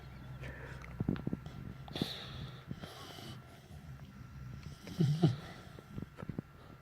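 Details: Pitbull sleeping in owner's arms: low snorting, rumbling breaths with some wheezy whistles at an uneven pace; dog snoring.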